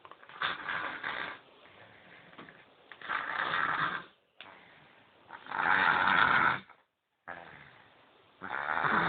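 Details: Sleeping baby snoring, with loud, rough breathing noise rising and falling with each breath, about 23 breaths a minute, and quieter phases between: snoring.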